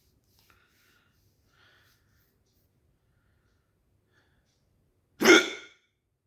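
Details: Persistent hiccups that won't stop: a single sharp, abrupt voiced gulp breaking a quiet stretch after faint earlier sounds.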